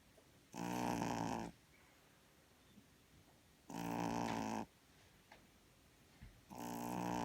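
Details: Tenor-pitched snoring: loud, buzzing snores on each in-breath, about 20 breaths a minute, with quiet exhalations between.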